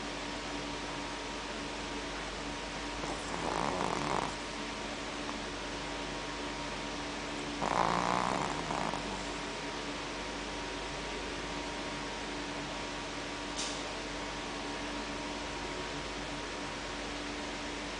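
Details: Sleeping Shih Tzu snoring: two long, rattling sleep breaths about four seconds apart over a steady background hum.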